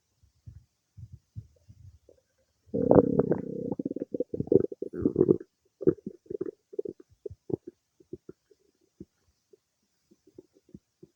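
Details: Gurgling stomach rumbles, a longer churning burst, then scattered clicks and pops of active digestion some time after eating cake: bowel sounds (borborygmi).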